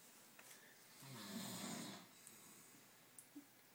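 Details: Two friends snoring at each other the night after a party: a single rough, rumbling snore rises and fades over about a second in a quiet room with faint background noises; snoring.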